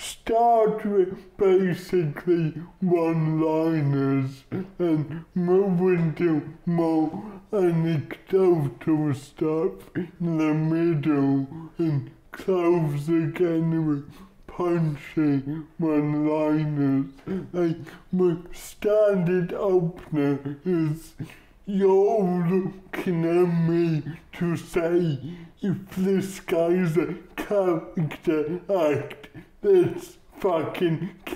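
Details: Adult male comedian with cerebral palsy speaking in an interview; dysarthria (cerebral palsy).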